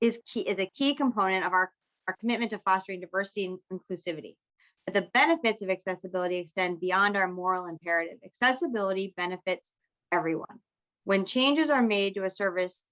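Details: Adult woman speaking; typical speech.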